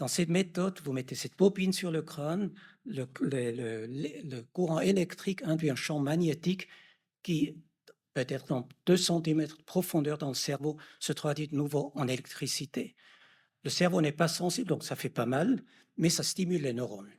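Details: Adult male lecturer; normal speech.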